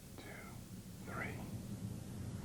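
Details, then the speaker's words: Patient whispers "one two three" during posterior thorax auscultation with the stethoscope diaphragm, testing for whispered pectoriloquy: whispered voice sounds. "this time would you whisper one two three please finally ask the patient to whisper one two three"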